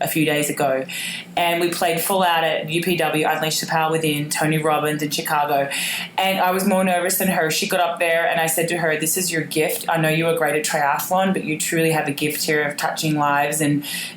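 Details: Adult speaker; normal voice.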